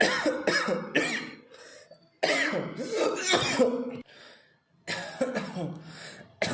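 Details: Rapid runs of forced, throaty adult coughs with short pauses between clusters during about 50 seconds of intentional continuous coughing: voluntary repeated cough.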